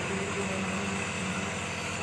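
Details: Steady low motor hum and buzz of a home nebulizer compressor running, used for a baby's cough and cold.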